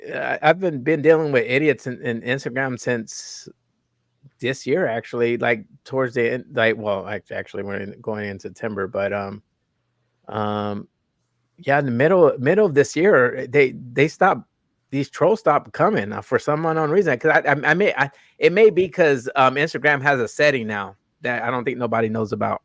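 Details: Adult male host with a self-reported stutter that was very noticeable in his earlier videos and worsens with unfamiliar people or situations; stuttering.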